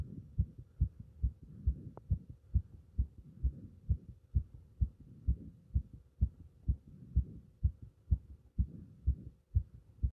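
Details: Fast, strong, regular heartbeat, about 125 beats a minute, with forceful beats; rapid heartbeat (tachycardia).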